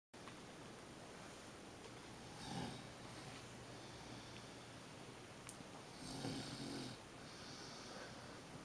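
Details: Mild snoring from a grandmother napping with her 3½-month-old grandson: two soft snoring breaths, about 16 a minute, over steady room hiss.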